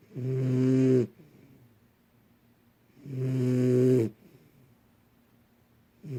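Two long, tonal, buzzing snores about three seconds apart, roughly 20 a minute, with quiet pauses between: snoring in a sleeping puppy.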